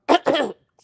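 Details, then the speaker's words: Adult with a bad head cold and a raspy voice coughs once while talking: a short two-part cough, a quick burst followed by a longer, rougher push. "Oh, and Andrea, I was telling everybody if I sound if I sound a little raspy and stuff, it's because I got a bad head cold."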